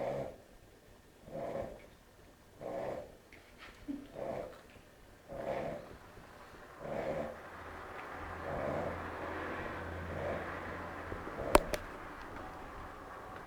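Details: Soft, regular snoring breaths from a sleeping dog, about every 1.4 seconds (roughly 40 a minute), fading into room noise with a brief click; ordinary snoring.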